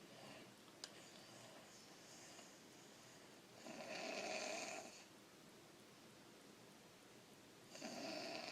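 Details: Child with very large tonsils touching the uvula, recurrent throat, sinus and ear infections, and trouble breathing in sleep, recorded around tonsil and adenoid removal: two loud, harsh, rattling snores over a steady hiss of breathing; obstructed snoring.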